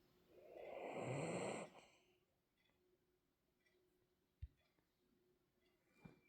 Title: The girl is tired, time for a little snoring session #frenchbulldog #doglady #dogsnoring #dogsleep